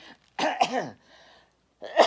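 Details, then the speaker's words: Adult woman, a grandmother who has never smoked but clears her throat all the time, gives a short harsh throat-clearing cough, then a softer breath and another clearing burst: throat clearing / cough. "bue that sounds like I have a smoker's cough I do not smoke I never have smoked in my life but I remember my grandma always clearing your throat"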